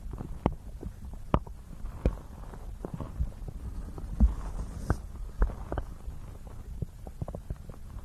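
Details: Continuous low gurgling and rumbling with scattered bubbly pops, presented as real stomach sounds mixed with ear-massage ASMR triggers; stomach growling (borborygmi).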